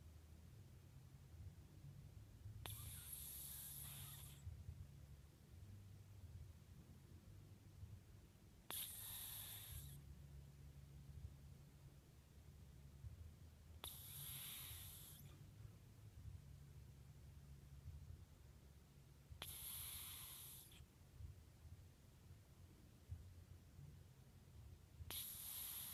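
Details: Snoring cat: soft, airy, whistling snores while asleep, about 11 breaths a minute, over a low steady hum.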